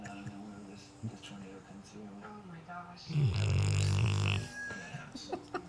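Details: A 10-month-old Rottweiler, Tasha, asleep after a long Sunday afternoon, giving one of her funnier-sounding snores: a single loud, low, rattling snore with quiet room noise; snoring.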